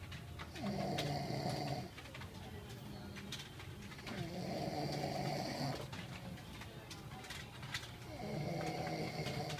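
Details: Three long, rough, rattling breaths in about ten seconds, each a low vibrating snore on the in-breath, over steady room noise; snoring.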